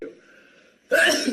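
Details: Soft indrawn breath then a single sudden, loud, explosive sneeze from an adult man; sneeze.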